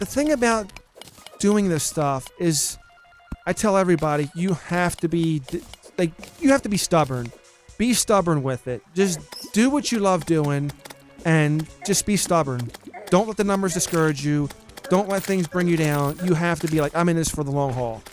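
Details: Adult male streamer with a long-standing stutter, severe when he began making videos, recently returning because he talks little; previously self-practised talking to improve; stuttering.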